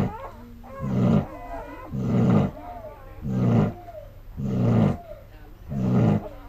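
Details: Snoring in deep sleep after being up all night giving birth: loud, rough snores repeating regularly, about 12 a minute, with quieter breathing between them.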